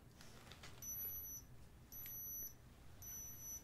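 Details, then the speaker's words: Three high-pitched electronic beeps from a digital thermometer held under the tongue during a real-patient ASMR wellness exam roleplay, signalling a completed reading of 98.4, over a soft hiss. "Take your temperature. Okay. Just put that under your tongue. It's done."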